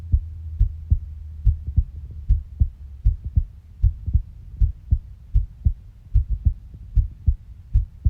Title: heartbeat sound